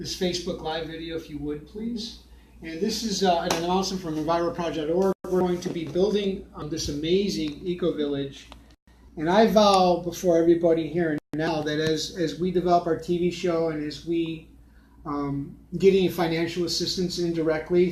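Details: Adult male speaker; Normal speech.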